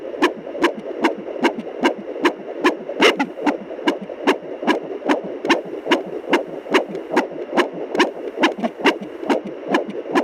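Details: Fetal heartbeat on Doppler at 24 weeks of pregnancy, baby girl: rapid, regular whooshing at about 146 beats a minute, a normal fetal rate.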